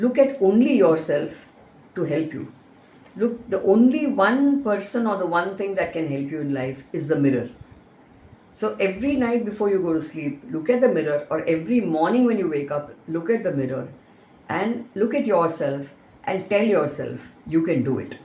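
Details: Adult woman speaking; no speech disorder.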